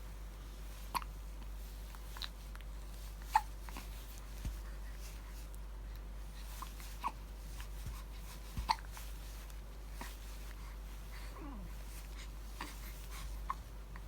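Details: Hiccups in a 10-day-old newborn baby boy: soft, brief hiccup clicks coming irregularly, about 11 a minute, over a steady low room hum; ordinary newborn hiccups.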